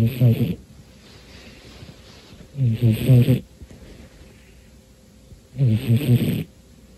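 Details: Romeo, a cat, deep asleep on a New Year's Day afternoon, snores on the in-breath: three loud, rattling snores about every three seconds with quiet gaps between. He snores most of the time, especially when very tired.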